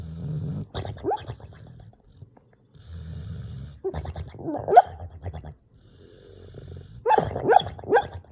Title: Guinness sleeping, snoring, making funny noises